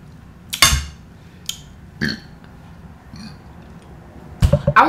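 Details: Burping during a mukbang eating vegan Cuban chorizo stew and plantains: a few deep, rumbling bursts from the throat between quiet eating sounds.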